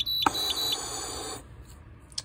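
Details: Parapac pneumatic transport ventilator, used for intubated emergency patients, set at a frequency of about 17: high-pitched electronic alarm beeps over a steady hiss of gas flow.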